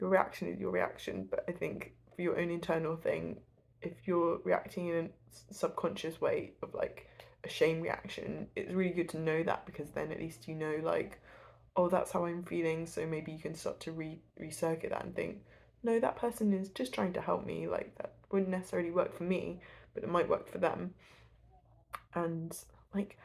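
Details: Adult woman who stutters, speaking; stuttering.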